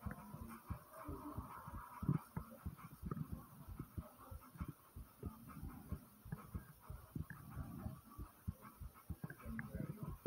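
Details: Fast, strong heart thumps with gurgling stomach noises right after walking up 5 flights of stairs; a rapid heartbeat after exertion.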